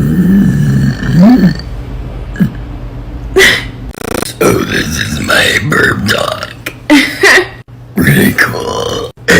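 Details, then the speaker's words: Young woman, who says she is just learning, burping deliberately on command after an Irish coffee: long, loud voiced belches shaped almost like words, with speech between them; burping. "I just started learning how to do this so let's give it a shot let's try it again"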